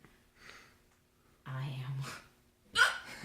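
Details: Simulated, comic hiccups performed during a Richard III monologue: quiet spoken lines broken by sudden, sharp gulping catches.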